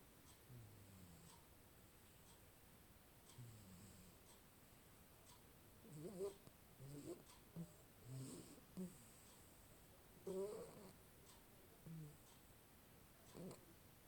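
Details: Sleeping Maine Coon cat snoring, recorded on a Xiaomi Mi 10 Pro phone: soft, low rumbling sounds with each breath in a still room.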